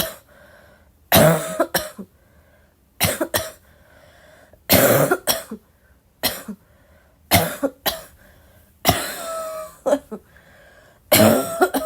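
An adult coughs in repeated harsh bursts, often in pairs, about a dozen coughs in twelve seconds.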